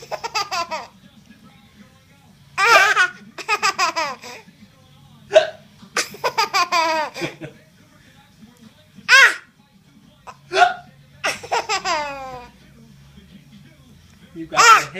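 Repeated bursts of laughter from a young child, with sudden sharp catches in the breath that fit hiccups.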